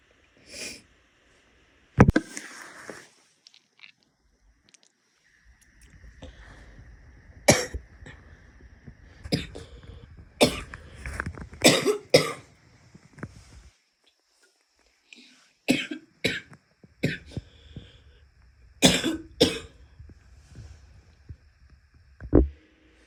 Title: wet coughs (f) some spitting